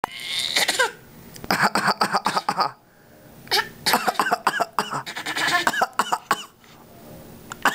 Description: baby copying daddy by coughing